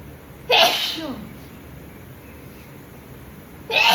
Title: Sneezing Nose Blowing And Spitting Challenge Part 17😂